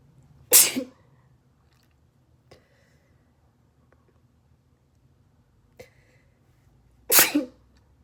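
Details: Two induced sneezes, sharp and explosive, several seconds apart in a quiet room with faint breathing between, ending with a bang.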